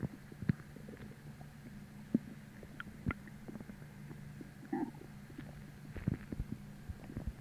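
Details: Stomach growling (borborygmi) with irregular low gurgles and brief rumbles over a faint hum. It came on about twenty minutes after a sudden hollow, empty feeling that replaced bloating from a heavy dinner the night before; intense hunger.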